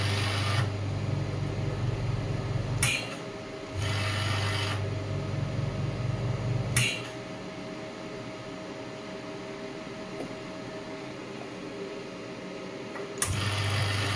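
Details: Pneumatic radial shockwave therapy device (0.5–12 bar range) demonstrated with the probe on the operator's own hand, about 4.5 bar shown: rapid, steady mechanical tapping with a low hum, firing in bursts.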